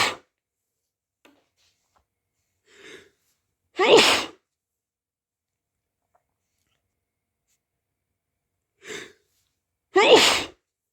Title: muffled/strong wet sneezes